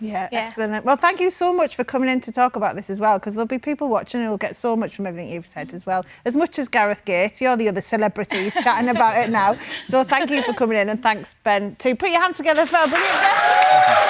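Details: Adult woman; normal fluent speech.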